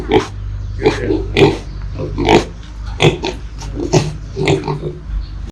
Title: Lợn Con, Heo Con ôm nhau ngủ, ngáy khò khò | Piglet and Piglet hug each other and sleep, snoring